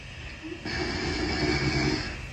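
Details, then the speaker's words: Night-time home camera recording: a single low, rattling, noisy breath lasting about a second and a half rises out of faint room noise from a sleeping adult: snoring. "Так, вот храп"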